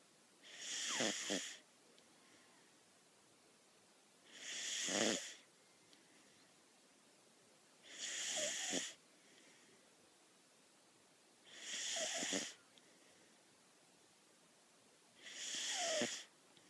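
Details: Whippet puppy snoring while asleep: five regular, breathy, hissing snores with a faint whistle, about 16 a minute, separated by quiet pauses.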